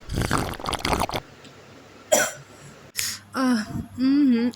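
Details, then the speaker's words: An acted, simulated cough: a run of harsh, forced bursts, then two single coughs and a drawn-out voiced groan, given by the mother in a home-remedy skit. "उफो mummy आपको तो बहुत खांसी आ रही है। खांसी का इलाज चाय से नहीं होने वाला है।"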